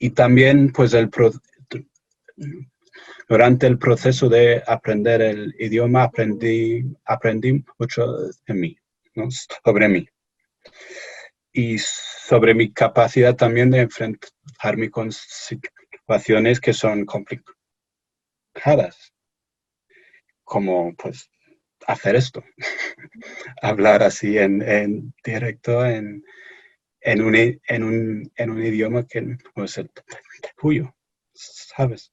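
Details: Stuttering in an adult male researcher from England speaking Spanish as a foreign language in an interview; he says he is a little nervous, which may affect his speech.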